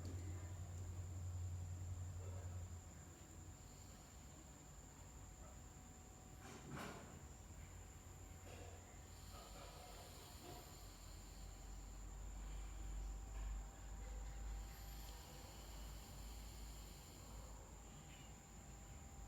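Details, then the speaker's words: Abdominal auscultation with stethoscope bell over the four abdominal quadrants: soft intermittent clicks over steady low rumble and hiss, 11 per minute (normal range 6–12); normal bowel sounds. "ของคนไข้รายนี้เป็นเสียงคลิกนะคะจำนวนครั้งอยู่ที่11[เพลง]ครั้งต่อนาทีนะคะซึ่งปกติแล้วในรายที่มีความปกตินะคะจะอยู่ที่ประมาณ6-12ครั้งต่อนาทีค่ะ"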